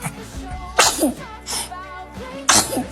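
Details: Baby sneezing repeatedly while adults say "bless you": three sudden hissing bursts of air, music behind; infant sneezes.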